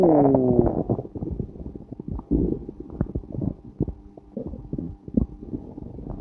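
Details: Stomach growling recorded while the person was passing a lot of gas: a long gurgling growl followed by bubbling, popping rumbles.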